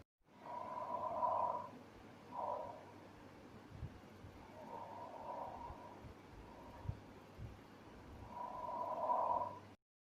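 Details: Lung auscultation with a stethoscope: loud, harsh, hollow breath sounds with a clear pause between inspiration and expiration, i.e. bronchial breath sounds.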